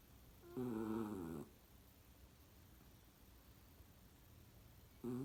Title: Dog snoring